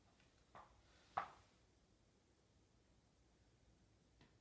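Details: Student nurse's abdominal assessment of an adult female non-surgical patient by stethoscope: quiet abdomen with three brief gurgles and clicks in a few seconds; active bowel sounds, a normal finding.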